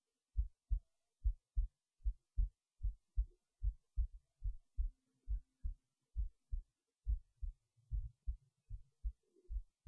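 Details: Normal heartbeat recorded late at night while resting in bed before sleep: steady paired thumps at about 72 beats a minute, faint background hum.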